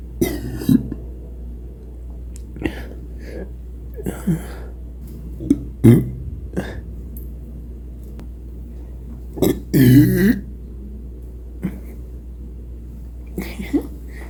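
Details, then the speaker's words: Burping after eating too fast: a series of loud, low, croaking burps with short gulping noises between them, over a steady background hum; hiccups followed. "That's what happens when you eat kind too fast. You get a lot of burps and then a lot of hiccups."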